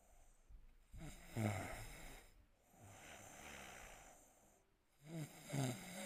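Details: Adult man fast asleep, filmed by his wife: two loud, rough, rattling snores about four seconds apart with quieter breathing between; sleep snoring.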